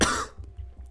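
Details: Lingering short, dry, harsh cough burst that quickly fades; the cough began after a runny nose about two weeks earlier, following a cold, and is unlike the person's usual sore-throat coughs.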